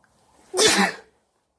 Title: Sneezing while wearing a yellow jacket